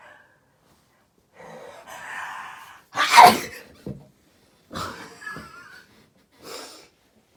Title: Sneezing 3